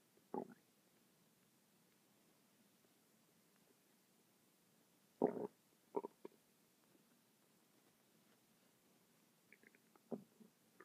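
Short gurgling rumbles come and go over a quiet background, about five bursts in eleven seconds. This is ordinary bowel sounds from the stomach and gut.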